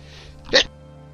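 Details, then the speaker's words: Adult sneezing during a tabletop game session, first sneeze followed by more expected (possibly a third); sneeze. "just sneezed sorry you didn't need to hear that you'd be deaf dead yeah we're gonna sneeze again"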